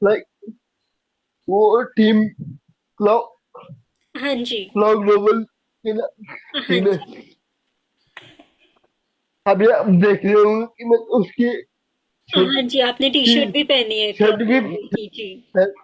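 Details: Young adult man with cerebral palsy since age 2, unable to speak as a child, still needing double effort and unable to speak clearly; slow speech with repeated words; dysarthria from cerebral palsy.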